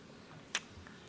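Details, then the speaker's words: Newborn baby girl in hospital shortly after birth gives a single soft, sharp hiccup, her first, against quiet room noise. "She's got the hiccups. Did she? Oh, She's never had hiccups"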